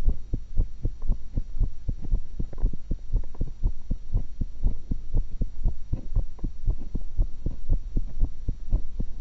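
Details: Fast, regular lub-dub at about 118 beats a minute over a low hum, self-recorded through a single stethoscope while eating an apple and a cucumber; normal heart sounds.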